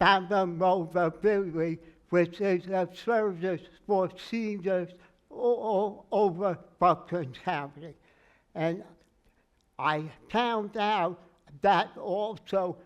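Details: Aphasia in an adult male with word-finding difficulty; his speech therapist used singing, and he says it took 3 years to talk again.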